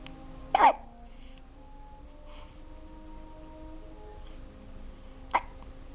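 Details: Twin infant girls alternating hiccups: two sudden, short, sharp catches of breath several seconds apart, over faint room hum.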